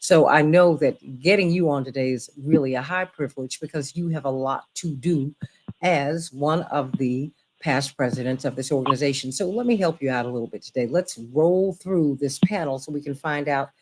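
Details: Adult woman speaking; normal voice.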